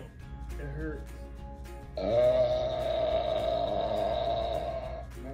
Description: We try our hand at the Tik Tok sparkling water challenge for a second time! Here’s a quick montage of our burps!